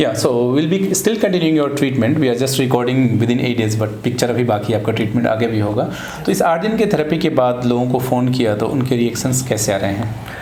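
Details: Adult male speaker (therapist); normal voice.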